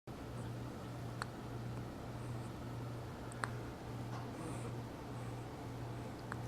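Three brief, sharp clicks about two seconds apart over a steady low room hum, consistent with hiccups.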